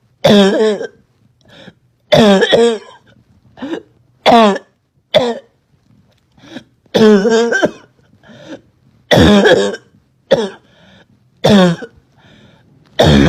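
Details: Girl with a terrible barking cough she couldn't stop: about seven harsh, hoarse coughs in bursts with gasping breaths between; barking cough.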